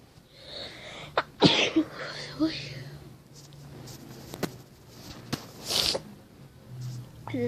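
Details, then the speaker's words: A single sudden explosive sneeze with a sharp burst of air, followed by quieter talking and room noise; the person remarks the sneeze has passed. "Por eso yo nunca perdono a nadie por ese maldito estornudo. Está así. Pero que ya se me pasó el estornudo."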